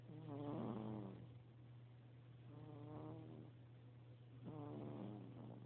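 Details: Sleeping cat snoring: three slow, buzzing breath sounds a couple of seconds apart over a steady low hum; snoring.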